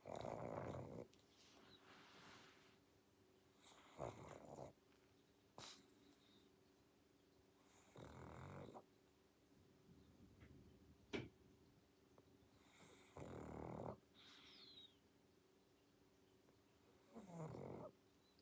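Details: Sleeping pug snoring with loud, rough breaths and occasional snorts, about 18 breaths a minute.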